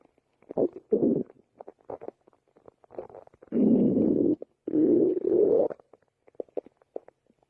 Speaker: Her belly button is singing. Ooh, pretty cute.